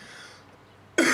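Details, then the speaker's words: One abrupt, loud cough burst from an adult after a near-silent stretch, cut off at the end; on antibiotics for a cold-like illness suspected to be strep throat, during a bad allergy season. "Sorry for coughing in the middle of this recording."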